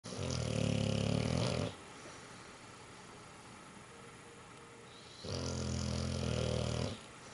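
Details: Snoring: two long, deep, rattling breaths about four seconds apart with a low buzzing vibration and quiet breathing between them.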